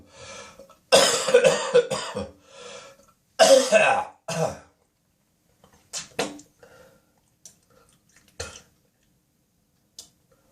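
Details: An adult's early-morning coughing spasm in the bathroom: harsh, wet, productive coughing bursts and throat clearing, followed by quieter clearing and spitting.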